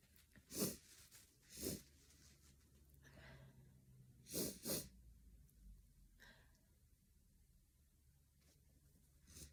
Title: ahCHOO! A small sneeze compilation of a sneezy cold 🤧